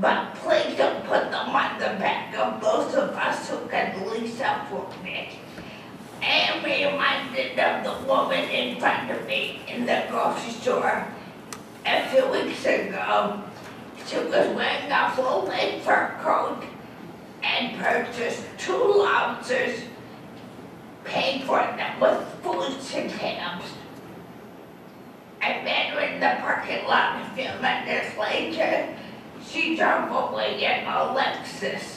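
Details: Adult woman with dysarthria after a massive stroke that left her unable to walk and with lost balance; she reports an audible speech impediment.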